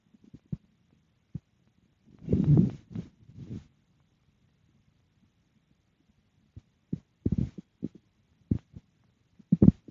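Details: Stomach growling after dinner: gurgling bursts and short clicks with quiet gaps between them; ordinary normal bowel sounds.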